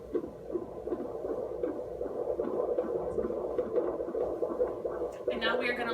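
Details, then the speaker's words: Fetal heart tones on handheld Doppler during intermittent auscultation in active labor, after the mother walked the halls for 30 minutes; probe placed on the right, where Leopold's located the back; rapid whooshing pulses at about 150 a minute. "so it's been 30 minutes since we last listen to Christie's baby's heart rate's she's been walking the halls and working hard"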